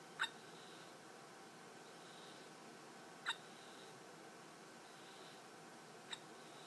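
Three brief, sharp catches a few seconds apart over a steady hiss, typical of a baby's hiccups.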